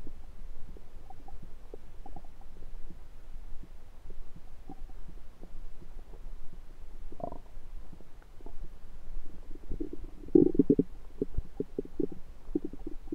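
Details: Own abdomen recorded with a USB stethoscope: soft gurgles and low rumbles over steady hiss, louder toward the end; ordinary stomach rumbling.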